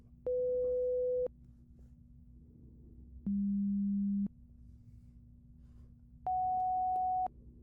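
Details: Simulated hearing exam roleplay through headphones, starting with sound in both ears: three steady one-second pure tone audiometry beeps at different pitches, about three seconds apart over faint hum.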